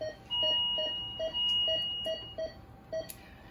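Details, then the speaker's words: Rapid pulse beeps at uneven intervals, about 140 a minute, under a steady alarm tone: an ICU bedside monitor's audible pulse tone in a simulated atrial fibrillation demonstration. "So listen, I'm going to set it and the patient's going to go Brady. Or maybe they go into an AFib. So it just gives you another sense to use to know that something's changed with your patient."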